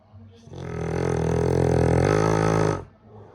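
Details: Dog snoring, louder than a grown man: one long, loud, deep vibrating snore lasting over two seconds, with quiet breathing around it.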